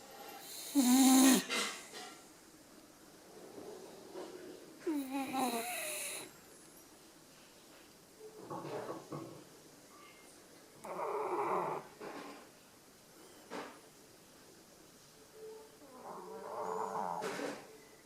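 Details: Small dog snoring: irregular snorting snores with squeaky, whistling breaths and quieter snuffles between; noisy sleep breathing, uneven in strength.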